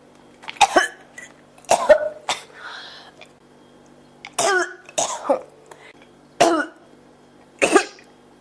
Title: 咳が止まらない 43 cough